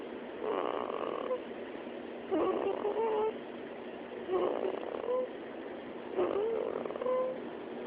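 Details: Snoring at about 15 breaths a minute, each breath a nasal buzzing, whistling tone over steady background hiss.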